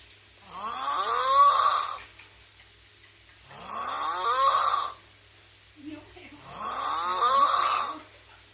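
Three loud, long, rattling snores on the in-breath, rising in pitch, about 20 a minute, with quiet pauses between; heavy snoring.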